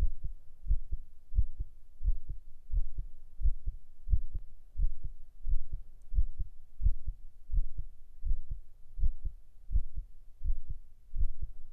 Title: 【ASMR/Binaural】heart sound & relaxing for Sleeping,Working,etc...9【心音・安眠睡眠作業用など】